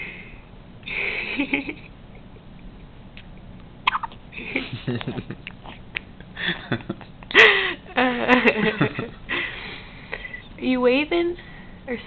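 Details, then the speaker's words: Several short, abrupt hiccups from a one-day-old newborn girl sitting in her father's lap, with quiet infant vocalizing and adult talk in a small room. "emily hey you got the hiccups emily you got little baby hiccups"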